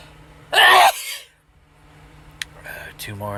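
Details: A sneeze deliberately triggered with cayenne pepper during a series of nine hard sneezes: one loud, explosive sneeze burst, then a quiet pause and brief breathy sounds.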